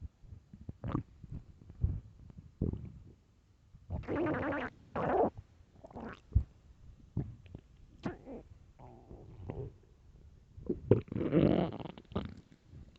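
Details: Ordinary hunger stomach growls (borborygmi), loud, recorded for headphones: irregular gurgling and rumbling, some long and bubbly.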